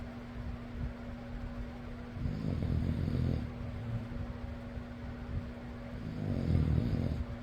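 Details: Person snoring: low, rough snores at about 15 breaths a minute over a steady fan hum; ordinary snoring.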